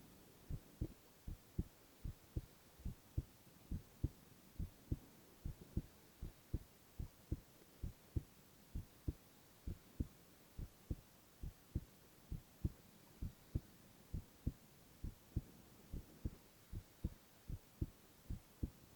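Steady, regular, soft thumping heartbeat with a faint hum in the background. Normal heart sounds.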